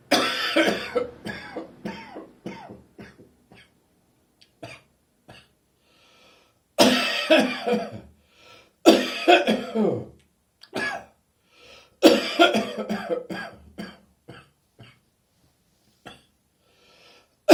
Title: Throaty Morning Cough: Cold approaching!